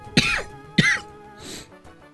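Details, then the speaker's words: Cough from a live streamer who mentions the cough while stepping away to get water. "as you can probably hear on my cough, I'm going to be gone for just a second while I um get rid of the [Music] uh water that I've taken and take get more water to drink."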